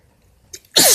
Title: Bf sneezes allergies or cold? (M)